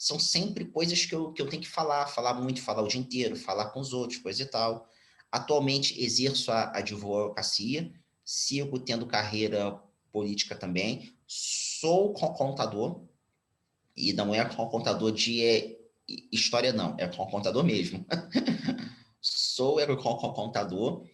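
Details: Stuttering, now mild after speech therapy, in a 34-year-old Brazilian Portuguese-speaking man, speaking spontaneously.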